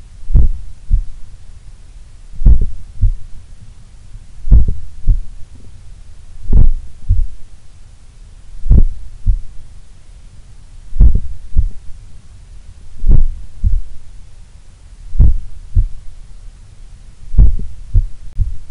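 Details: Person's own heart recorded while relaxing in a sun room, the lowest resting rate they have recorded: slow, steady heartbeat about 28 beats a minute with a clear two-part lub-dub; a very low resting heart rate.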